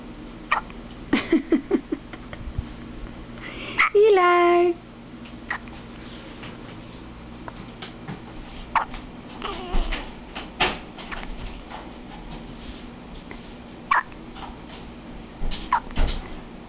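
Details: Male child hiccuping, said to have gas: repeated short, sharp hiccups at irregular intervals, with a brief high squeak and soft room noise.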